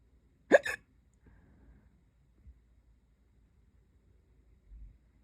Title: hic hiccups😛